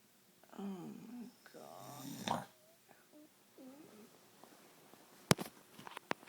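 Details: A person snoring at night in a quiet room: two long, rough breaths with a whistling, wavering pitch, then softer squeaky breath sounds and a few clicks.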